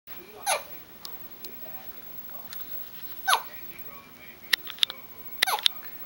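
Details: Hiccups: two sharp, abrupt voiced catches about three seconds apart, followed by short clicks and soft vocal sounds.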